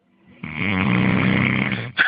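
One loud, rough, low-pitched rattling breath lasting about a second and a half, a single snore.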